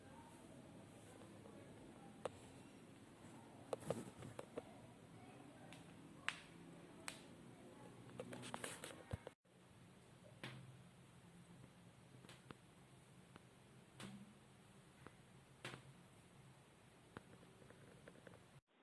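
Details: Knee crepitus in an adult over 39: sharp irregular clicks, pops and soft grinding with each movement. All joints creak, knees worst and painful. Worsening over a year despite treatments. RA blood tests and HLA-B27 negative, no diagnosis yet.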